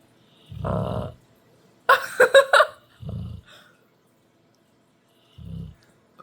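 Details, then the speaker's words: Dog snoring fairly quietly with his eyes open: low, rumbling snores with a few snorting, rattly breaths and quiet pauses; snoring. "He's snoring with his eyes open."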